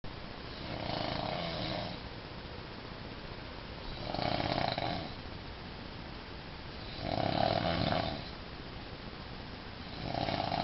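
Deep, rattling snores on each breath in, about 19 a minute, over steady room hiss: heavy snoring.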